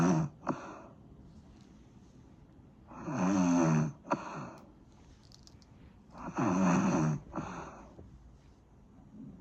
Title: Snoring sound